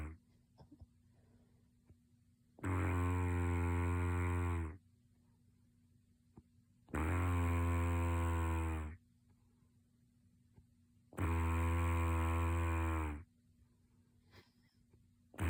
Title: Two minutes of snoring